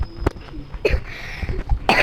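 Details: A child's cough: a few short, sharp cough bursts in a quiet indoor room.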